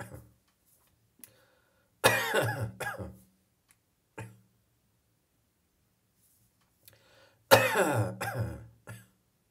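Two short bouts of rough, phlegmy adult coughing with a few smaller coughs, typical of morning catarrh.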